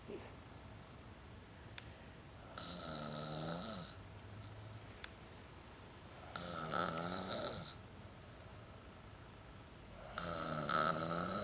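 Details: Snoring during sleep: three whistling, rattling snorts of rising and falling pitch about every four seconds, roughly 15 breaths a minute.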